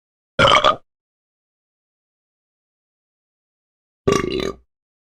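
Two short, croaky belches separated by silence; burping from a sound-effect recording.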